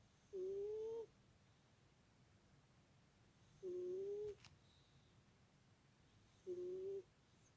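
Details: Tiny, squeaky snoring: three brief, high, squeaky tonal sounds recurring about every three seconds, roughly 19 per minute, over quiet room noise.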